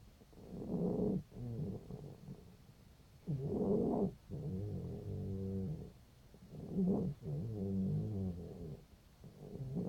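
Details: Cat, 5 days after laryngeal tie-back surgery: loud snoring, rattly upper airway breathing in both directions, about 20 breaths a minute, with owner soothing; stertor.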